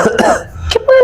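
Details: Performed comedy cough: two or three short, harsh acted cough bursts ending in a voiced throat-clearing sound.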